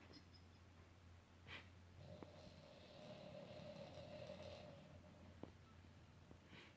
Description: Molina the French Bulldog snores really loud